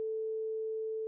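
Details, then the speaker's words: Steady, pure mid-pitched tone of a vibrating tuning fork held next to the patient's ear during the Rinne test. "s be more efficient than bone conduction and as such the sound of the vibrating tuning fork should still be heard this describes a positive renee test"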